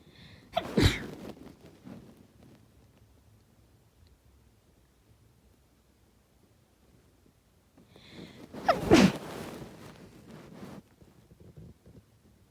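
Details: Two forceful sneezes about eight seconds apart, each preceded by a brief intake of breath; sneezing.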